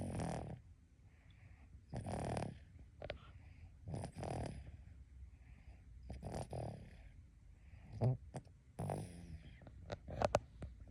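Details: Snoring in a sleeping 170-day-old baby.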